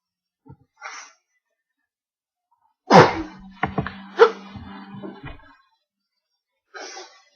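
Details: Sneeze heard from a cartoon soundtrack: a single loud, exaggerated sneeze burst between quieter sounds.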